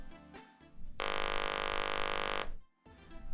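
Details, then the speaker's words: Electrolarynx device test after replacing the foam ring in the sound head cap: steady, even electronic buzz lasting about one and a half seconds, normal working sound. "Now that the foam ring is properly placed into the sound head cap, place it back on the device. Test the sound of the device."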